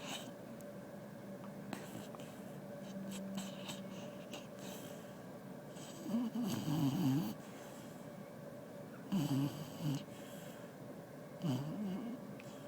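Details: Snoring in a sleeping dog: three rough, fluttering low snores a few seconds apart against quiet room noise.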